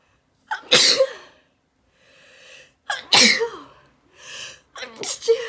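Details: Person wearing a detox face mask, unable to touch or blow their nose, gives three loud sneezes in quick succession, each after a sharp indrawn breath; half-stifled, messy repeated sneezing.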